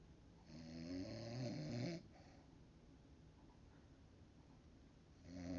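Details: Loud, rattling snore on an in-breath with quiet exhalation, a second snore starting at the end; an adult woman snoring at 3 am: snoring.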